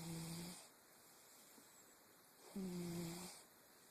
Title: Snoring kittie.